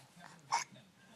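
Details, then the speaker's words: Single short, sharp hiccup from a teething infant in a quiet room. "hiccups know oh man"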